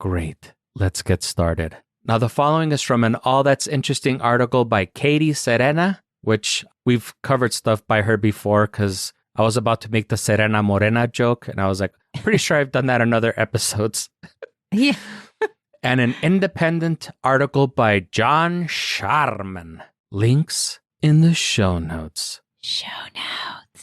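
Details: Adult male speaker; normal voice.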